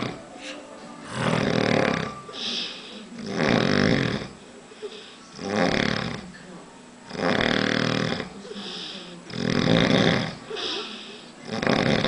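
Loud, regular rasping snores on each breath in, about six in twelve seconds, with quiet pauses between.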